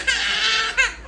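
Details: Toddler boy crying and demanding three juices after being refused: a high-pitched, drawn-out wail followed by a shorter cry burst.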